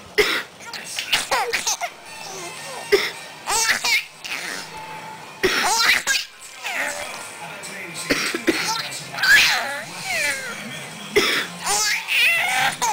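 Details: Several short adult coughs from a mother, each followed by bursts of hysterical laughter from her 5-month-old baby; music in the background; ordinary cough.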